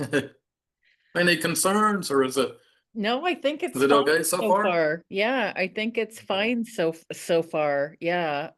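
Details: Adult woman who stutters; repeated syllables and words heard; stuttering.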